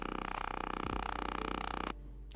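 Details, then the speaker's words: Radial shockwave therapy (ESWT) handpiece, first treatment pass to bring blood flow to tissue: fast rattling pulse train about 20 per second stopping abruptly; device in operation. "This first treatment is just really to bring in some blood flow, some awareness to the tissue here."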